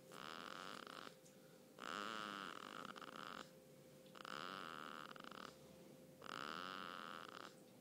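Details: Loud snoring from a sleeping one-month-old baby, audible across the living room and kitchen: three long, rattly, buzzy noisy breaths in about eight seconds with quieter gaps.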